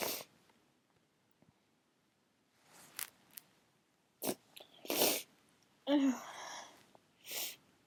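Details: Quiet room, then a run of sneezes with hitching in-breaths and a false start, from an adult who is drunk, sneezy all night and induced by a clothes tag; sneezing.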